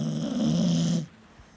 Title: she snores like her daddy 😭😭